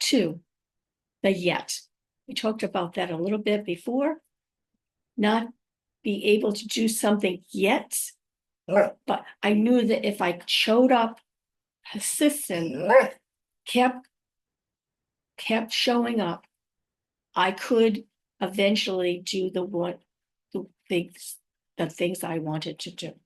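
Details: Woman five years after a stroke who says she has aphasia, apraxia of speech and also dysarthria, and that her speech can sometimes be hard to understand. Aphasia with apraxia of speech.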